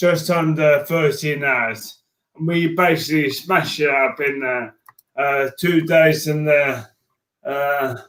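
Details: Man diagnosed with motor neurone disease in January 2018; his speech became slow and slurred as an early sign of the disease, alongside frequent tripping. Dysarthria (motor neurone disease).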